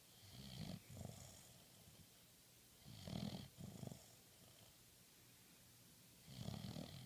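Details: Snoring during sleep: soft, quiet snorting snores in paired bursts with pauses between them, about 12 breaths a minute.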